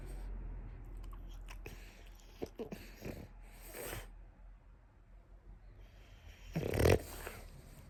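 Rapid, repeated snorting inward breaths through the nose in a dog, with a loud honking snort near the end; a reverse sneezing episode.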